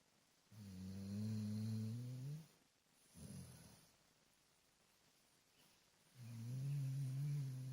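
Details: Sleeping dog: deep, droning snores on inhalation with a short snort between; snoring.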